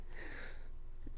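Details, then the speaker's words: Sniffling from a congested nose in a person sick with a cold, who has been sneezing and coughing and has run out of medicine; a brief airy nasal sniff over low room hum. "all right so sorry if you hear the sniffles and the coughs and everything else I'm sorry in advance"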